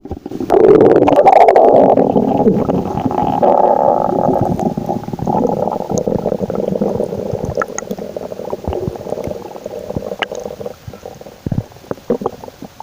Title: scared about my owen stomach noises 😳😁💓